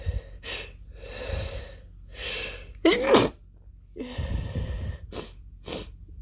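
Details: Woman's sneezing fit, almost fully stifled except the end: rapid run of muffled, held-back sneezes with sharp breaths between, ending in one or two louder bursts; stifled sneezes.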